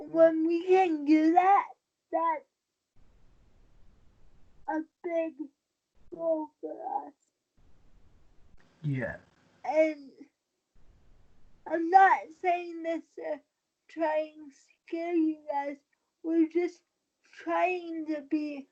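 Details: Dysarthria in a 23-year-old woman with cerebral palsy since birth after premature birth at 27 weeks, a more advanced form affecting the brain's balance centre; she uses a wheelchair and links her prematurity to the stability of her speech.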